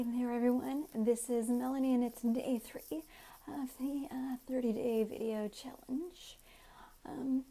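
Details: Woman with self-reported spasmodic dysphonia, not confirmed by laryngeal scope but described as widely confirmed; spasmodic dysphonia.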